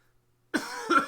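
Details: Persistent post-infectious cough: an adult sick for the past couple of weeks gives two quick, harsh coughs in a row after a moment of silence.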